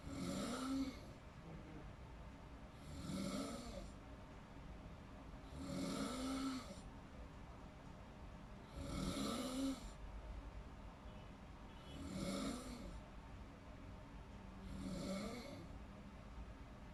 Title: Snoring sounds while in deep sleeping (relate ka ba panuorin at pakinggan mo)